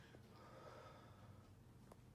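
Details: A brief, quiet snorting and gasping breath noise from a person with Tourette syndrome whose tics worsened at the end of 2018, needing hospital care; simple vocal tic.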